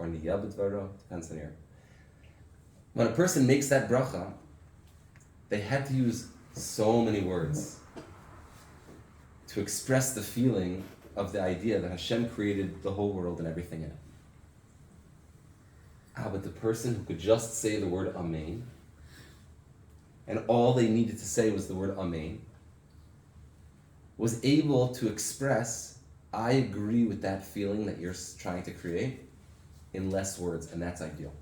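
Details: Adult man with aphasia after a stroke six years earlier, with memory loss and loss of use of an arm; difficulty speaking, writing and reading, knows what to say but can't get it out; reading a prepared text aloud; aphasia after stroke.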